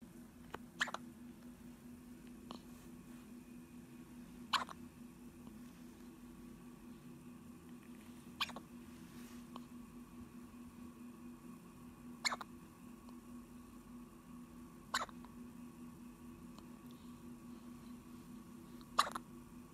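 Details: 3-day-old baby girl hiccupping: soft, sharp hiccup clicks at fairly regular intervals, about six in twenty seconds, over quiet room noise.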